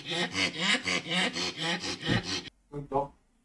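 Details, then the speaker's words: Flat-faced dog at rest, without exercise, making stridor: rapid, harsh, high-pitched rasping noise with each breath, described as grade 3 brachycephalic obstructive airway syndrome (BOAS). "Now this is stridor. This is a high pitched sound. Okay. If your dog has this sound without exercise at rest, that's grade 3 boas."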